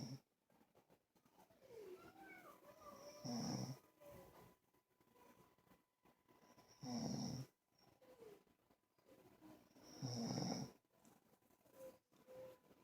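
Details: Snoring during sleep: soft snores about every three to four seconds, roughly 17 a minute, under quiet room noise.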